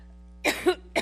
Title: SEVERE COUGHING FIT While Speaking in New York HD, 720p